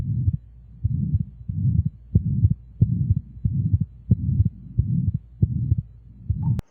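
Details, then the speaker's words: Cardiac murmur: regular heartbeat near 90 a minute with a loud whooshing, swishing murmur filling the gaps between the S1 and S2 heart sounds, an abnormal heart sound. "So cardiac murmur வந்து அந்த சவுண்டை வந்து எப்படி சொல்லுவோம்னா whooshing swishing sound அப்படின்னு சொல்லுவோம்."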